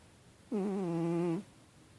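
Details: Cat snoring while asleep with paws over his face: a single high, squeaky, whistling nasal tone lasting about a second.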